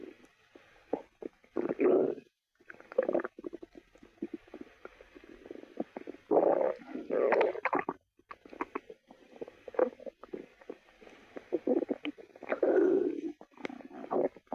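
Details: A person's stomach growling as another listens: irregular gurgling and rumbling bowel sounds with squeaky bursts over several seconds; ordinary borborygmi.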